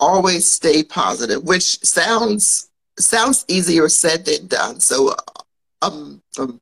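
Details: Woman who grew up with a stutter and still stutters as an adult, mild enough that many listeners would not notice, speaking on a live podcast recording; developmental stuttering.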